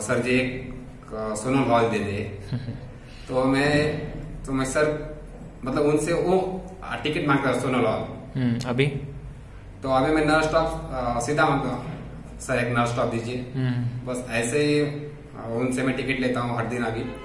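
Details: Stuttering in an adult man who has stammered since about age 7-8, with a family history in his father and grandfather; he reports about 90% improvement after a one-month fluency course, with residual stuttering.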